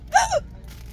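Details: Person with hiccups ongoing for several years, recorded while walking in a store on a medical trip: a single brief, abrupt voiced catch with quick falling pitch over store background noise. Hiccup.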